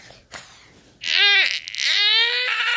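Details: A 7-month-old baby, clingy to the mother, cries loudly in two long, rising and falling wails after a brief quiet start when put down: infant crying.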